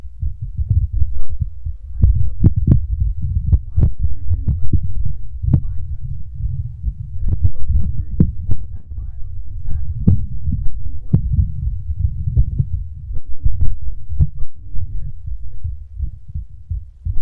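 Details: Male's fast heartbeat picked up by a microphone: rapid, muffled low thumping with rubbing noise.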